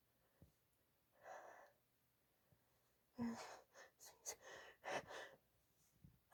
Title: breathy build up chikni desperate sneezes (F)